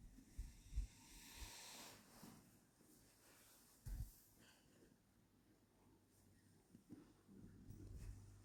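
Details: Horse snoring: low, deep rumbling breaths with soft snorts.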